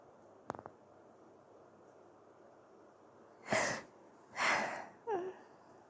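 A faint sniff, then two soft sneezes about a second apart and a brief nose blow, in a quiet room.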